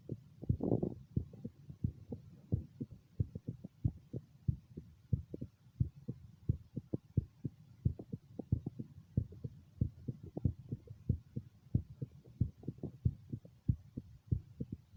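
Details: Own heartbeat heard with stethoscope at the mitral area during self echocardiogram: steady regular thumps about 90 per minute; normal heart sounds.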